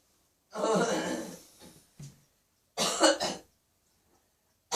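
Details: Adult woman with mild springtime catarrh coughing in a small quiet bathroom: a few rough, voiced, slightly wet coughs.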